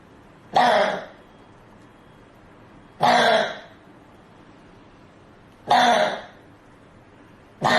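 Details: A 13-year-old child with a persistent cough lasting 54 days, referred to Istanbul, gives repeated single harsh coughs about every two and a half seconds in a quiet room.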